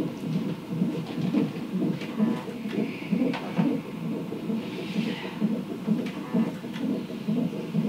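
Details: Rhythmic whooshing pulses at about 128 beats a minute from a hospital fetal monitor; fetal heartbeat during active, unmedicated labor with a second baby boy, after the waters broke and near full dilation.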